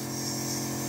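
Steady mechanical hum and buzz of a small motor; a compressor nebulizer running.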